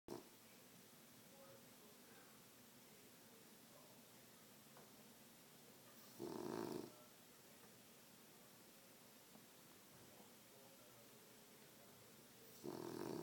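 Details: Sleeping French Bulldog resting after a busy day: two short, noisy, rattling snores about six seconds apart over quiet room hiss. Snoring.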